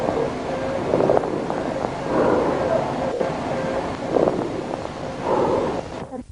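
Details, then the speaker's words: Hollow, echoing breath sounds with a faint ringing tone, an amphoric murmur of pneumothorax: laryngotracheal breathing transmitted to the periphery through air in the pleura. "ero remarcar además que cuando hablamos de soplocabitario o de soploanfórico en el caso del neumotórax también nos estamos refiriendo a la misma respiración laringotraquial transmitida hacia la periferia a través de una cavidad soplo cavernoso cavitario o a través de aire en la pleura neumotórax soploanfónico"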